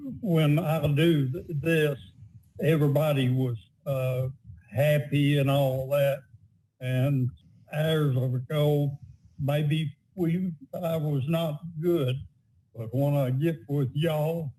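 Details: Adult man with aphasia, a member of a conversation support group, describes how the group helps him; a presenter repeats his words afterwards; aphasia.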